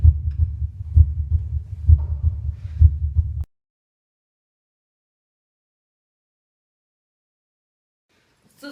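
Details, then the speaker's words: Regular low heart sounds near 65 a minute: a longer, louder, low-pitched first sound (systole) and a shorter, higher second sound; normal heart sounds. "mi primer ruido cardíaco que es de mayor duración de mayor intensidad y es grave que corresponde a la sístole cardíaca mi segundo ruido cardíaco que es más corto que es más agudo y que corresponde al sistema de repolarización"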